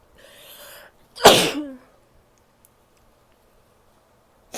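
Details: Woman's single sneeze: short in-breath, then one loud explosive sneeze trailing into a brief voiced tail; sneezing.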